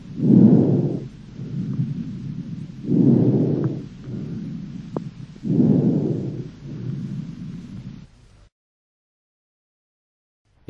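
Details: Puerile breathing.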